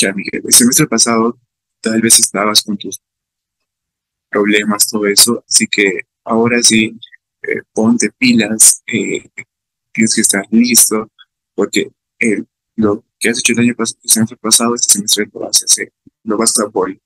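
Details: Adult man with real stuttering, speaking Spanish about his own experience, who reports fear of stuttering when participating in class; stuttering.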